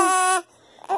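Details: Swaddled young infant, already fed some milk, possibly still hungry, gives a sustained high wail, pauses for breath, and cries again; infant cry.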